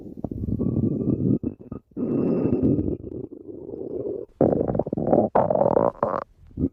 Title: Sticks the badger stomach growling 12